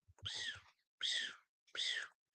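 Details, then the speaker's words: A nurse vocally imitates a heart murmur she heard over a male patient's mitral valve: three rhythmic breathy whooshes mimicking a whistling murmur, likened to a fetal heartbeat heard through the belly. "Um, one of his valves, I believe it was the mitro valve, had a whistling sound over it. Like when you listen to it, it's like"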